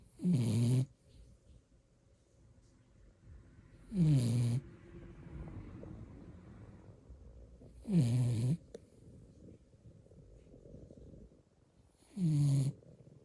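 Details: Napping blue beagle puppy snoring: four loud, rattling snores about every four seconds, roughly 15 a minute, with quieter breathing between.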